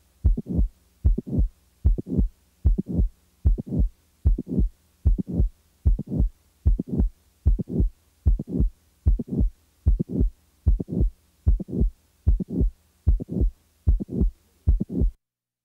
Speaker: the next example is that of a late systolic murmur in a patient with a mitol valve prolapse now the mid systolic click is [Music] added now a late syop murmur is